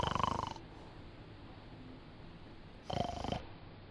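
Two loud rattling snores about three seconds apart, with quiet breathing between; ordinary snoring.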